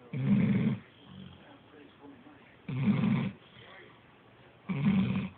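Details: Loud, rough snores in regular cycles, about three in five seconds, with quiet breaths between, from a sleeping dog that has snored since it was a tiny puppy, for nearly 8 years.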